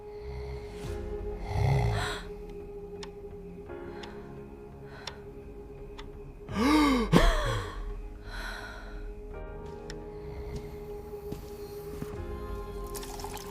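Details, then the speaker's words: Acted, simulated obstructive sleep apnea in an adult man: a sharp gasp on waking, then a long voiced sigh over soft music; partner reports he stopped breathing three times overnight; later diagnosed mild to moderate obstructive sleep apnea. "you stopped breathing again last night. Three times."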